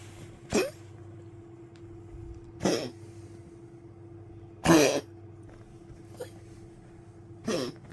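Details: Five short, harsh coughing bursts a couple of seconds apart over low hum from an old Poodle waking at night coughing, then drinking water with weak legs; repeated dog cough.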